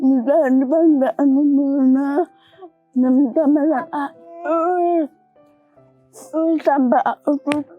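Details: Young woman with dysarthria from cerebral palsy present since birth; speech and walking were delayed in early childhood.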